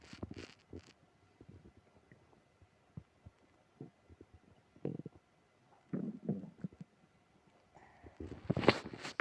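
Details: Stomach growling with tummy trouble after eating ice cream: scattered gurgles and squelching bubbling sounds, louder toward the end; active borborygmi.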